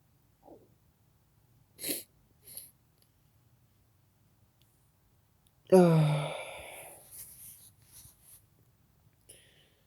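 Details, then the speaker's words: Quiet sharp inhalations, then one forceful sneeze with a trailing exhale: a person sneezing. "This is Halloween sneezes."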